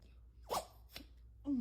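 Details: Dog sneezing: two quick, sharp nasal bursts followed by a brief whine-like voiced sound.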